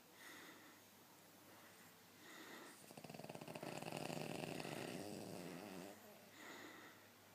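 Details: Sleeping King Charles Spaniel dog snoring: soft, rattling breath in and out that gets louder in the middle; ordinary snoring.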